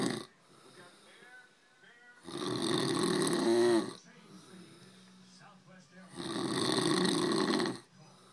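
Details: Two loud, harsh, rattling snores on the in-breath, about four seconds apart (roughly 15 breaths a minute), from a man, with quieter breathing and faint background sound between: snoring.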